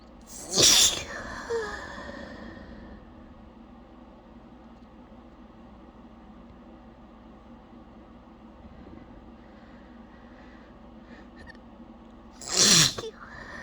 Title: struggling to keep back forceful, wet sneezing fit